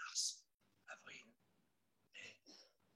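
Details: Breathy voice from unilateral vocal fold paralysis, fold in open position, of thoracic origin, in an adult male after lung cancer surgery with vagus nerve resection; pre-operative recording before laryngeal reinnervation with fat injection a year later.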